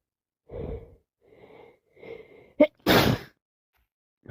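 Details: Person sick with a common cold, sneezing and sniffling: three soft sniffs, a sharp inward catch, then one forceful sneeze burst.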